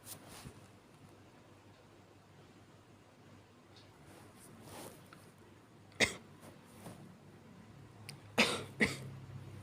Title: [男性向] 弱い咳 weak cough